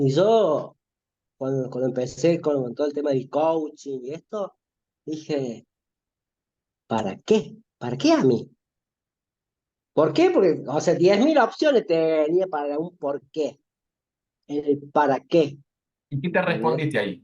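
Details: Stuttering in an adult Spanish-speaking man in spontaneous conversation; he says he cannot avoid it but manages it, with more fluent days and less fluent days.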